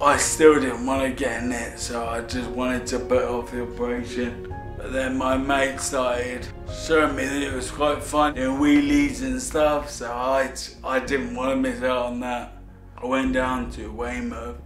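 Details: Ataxic dysarthria in an adult man with Friedreich's ataxia, a degenerative disorder affecting nerves and muscle control, worst in parts furthest from the brain; symptoms first noticed at 13; he says his speech has got bad.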